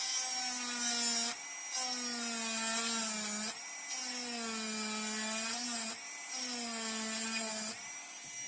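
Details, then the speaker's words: Dental high-speed handpiece cutting about 1 mm buccal depth orientation grooves, one per cusp, on a typodont mandibular first molar (tooth 36) for a full veneer crown: high-pitched whine in repeated passes with brief pauses. "Okay, I'll complete the grooves, and we'll start the discussion after completing the grooves. The second groove."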